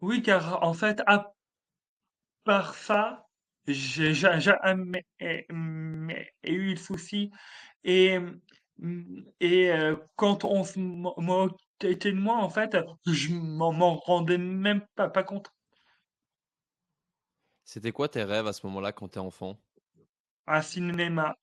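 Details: Stuttering in an adult male comedian who has stuttered since childhood, with teasing in his childhood; he calls it a handicap and says he would choose to keep his stutter.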